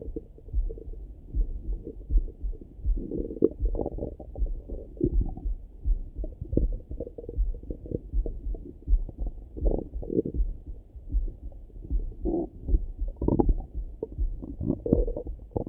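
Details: Person's own morning stomach rumbling, close-up through a stethoscope: continuous low gurgling and bubbling rumbles with irregular pops, ordinary active bowel sounds (borborygmi).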